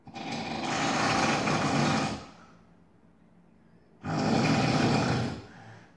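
Two long, very loud, harsh grinding snores separated by a quiet pause, with a buzzing, motor-like quality: heavy snoring.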